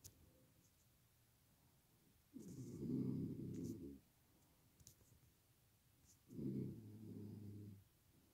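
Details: Self-described light sleeper, lately waking with a bad headache: two loud, rough, low rattling snores about four seconds apart, roughly 15 breaths a minute, in a quiet room; loud snoring.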